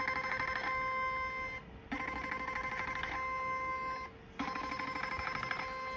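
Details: Portable 7D HIFU machine with a 4.5 mm cartridge firing during face-lifting treatment over cooling gel along drawn guide lines: steady electronic tone with crackly pulses in bursts about every two seconds with brief pauses.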